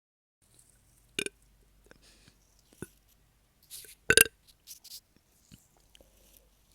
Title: Evening burps